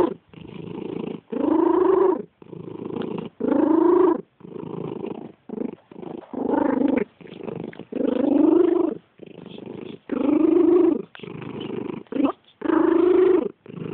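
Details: Cat purrs in strong rhythmic cycles with a noisy, wheeze-like tone on each breath: wheezy purring.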